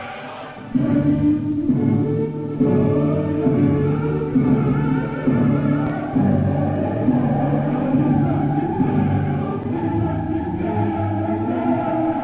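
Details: Simulated severe hearing loss, modelled on Beethoven's worsening hearing with poor upper octaves: choir and orchestra sound muffled and dull, with the bright upper tones missing.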